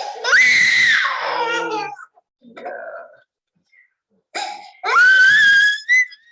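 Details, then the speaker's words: Shrill, very high-pitched crying in loud bursts with gaps from an infant delivered by emergency cesarean after getting stuck in first-stage labour, crying about 15 minutes in a workshop session: high-pitched cry linked to birth trauma. "And the type of crying you will hear, it's very high-pitched crying. It's a very typical type of memory cry."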